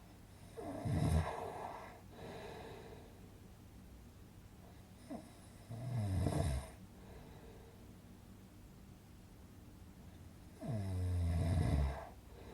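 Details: Relaxing snoring sound-effect recording for sleep: low, rumbling snores recurring slowly, about every five seconds, with quiet pauses between; snoring.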